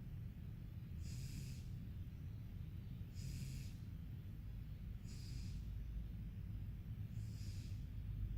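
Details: Snoring during sleep: soft, regular, airy snorting breaths about every two seconds over a low steady hum.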